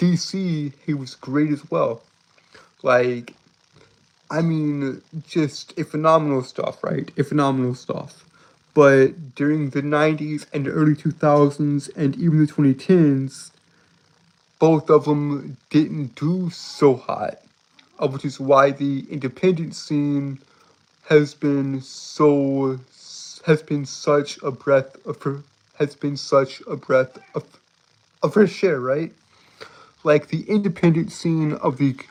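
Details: Male streamer who says he has a speech impediment and compares himself to Porky Pig; stuttering.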